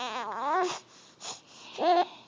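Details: A baby with hiccups, trying to fall asleep, cries in wavering, tonal wails with short pauses between them; infant cry.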